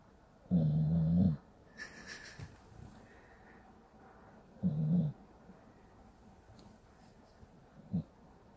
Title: Pitbull snoring like a human